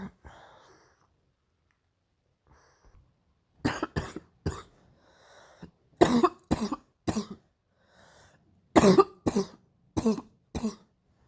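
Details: Painful morning cough: three bouts of harsh coughing, about a dozen coughs in all, in quick runs of three or four with breathy pauses between.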